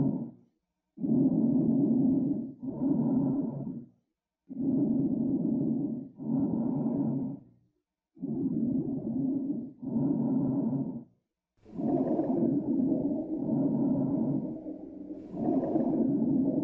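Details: Loud, coarse, low-pitched rumbling breath sounds at about 17 breaths a minute from the lungs of a long-term smoker; abnormal lung sounds.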